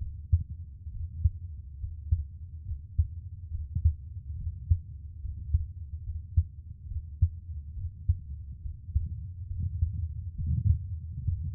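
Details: A man's own heartbeat recorded for ASMR relaxation: soft, steady low thumps at about 70 beats a minute with a faint muffled hum between, a normal resting heartbeat.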